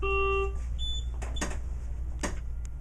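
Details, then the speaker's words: A steady electronic tone, then a short higher beep and clicks over low hum as an adult mechanical ventilator starts its pre-use self-check after adult mode is selected during initial setup. "once you turn it on it'll ask adult or infant and do you want to start previous check which you check yes and it'll run through it"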